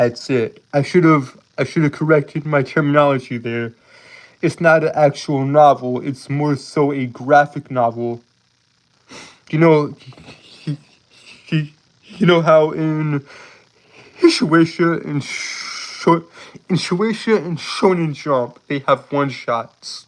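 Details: Adult man with a speech impediment present since birth, who says he holds words rather than repeating them; stuttering (blocks and repetitions).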